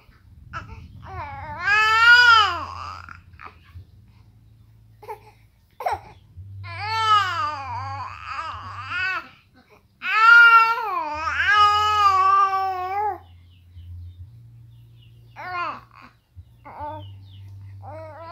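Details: Fussy infant crying: bursts of crying with pitch rising and falling, separated by quieter pauses over a steady low room hum.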